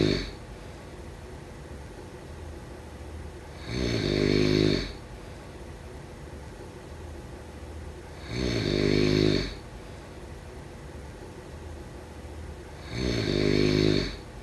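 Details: Loud rattling snores on each breath in, about every 4.5 seconds (roughly 13 a minute), with quiet pauses between, during sleep: snoring.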